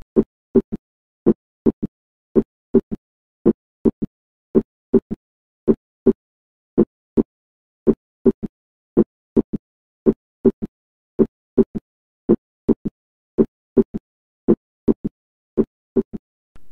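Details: Teaching recording: heart sounds about 55 a minute, each beat followed by a soft, low extra sound about 150 ms after S2, best heard with the bell with the patient in left lateral position: third heart sound (S3 gallop).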